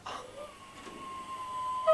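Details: Breathy voice breaks, with the vocal cords not coming together, from laryngitis in an adult male singer who is sick with the flu.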